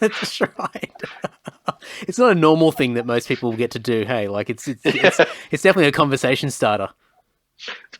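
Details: Adult male speaker; typical speech.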